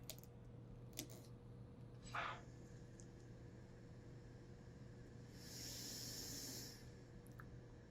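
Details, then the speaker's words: Puritan Bennett 560 ventilator with the patient circuit deliberately disconnected in a demonstration: steady machine hum with hissing rush of free-flowing air, triggering audible and visual patient-disconnect alarm. "But it says patient disconnect right there. You notice that there is an audible alarm as well as a visual alarm."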